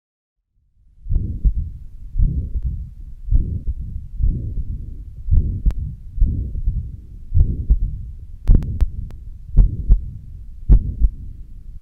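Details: Mixed mitral stenosis and mitral regurgitation murmurs.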